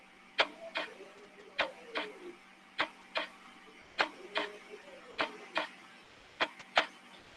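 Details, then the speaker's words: Veterinary chest percussion, normal resonant lung sound: sharp paired taps each followed by a brief hollow ring, from tap and vibration of chest wall, lung and contained air; long, loud, low-pitched sound. "este sonido es generado por el ruido del golpe y la vibración de la pared torácica del pulmón y del aire contenido en el en el mismo"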